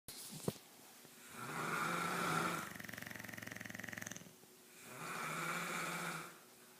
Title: Man vs mans best friend snore-apalooza